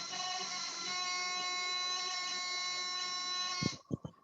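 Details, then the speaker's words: A steady high-pitched electronic alarm sounds for several seconds on switching on an oxygen concentrator, then stops with clicks; the alarm stopping confirms the power is connected properly. "you heard the alarm and the alarm that alarm tells you whether the power is connected and if the alarm continues if it hadn't stopped when we turned it on that would have suggested that the power was not connected properly"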